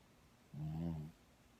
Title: Cheese snoring